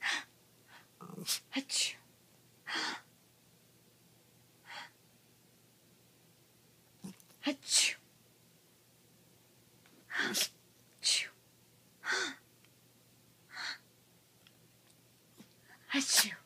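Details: Repeated sneezing from a Yorkshire terrier dog sneezing on command: a run of short, sharp sneezes over several seconds with quiet gaps between.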